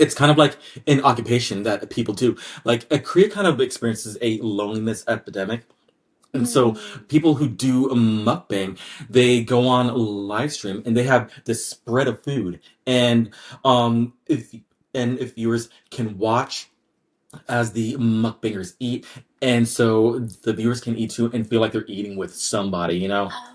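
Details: Adult man with lifelong, anxiety-based stutter present since childhood, triggered mainly by word-initial B, P, D and hard G sounds, drawn-out M sounds, humidity and background noise; stuttering.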